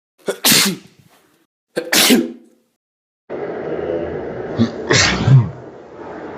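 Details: Sneezing: two sharp sneezes, each with a quick inhaled lead-in, followed by background noise and another forceful burst.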